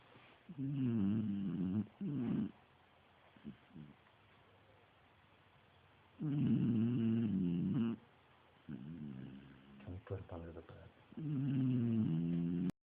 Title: Beagle Snores in Sleep